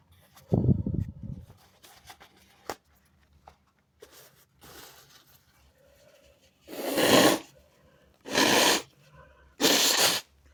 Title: sneezing on my robe, bless me! (he/they)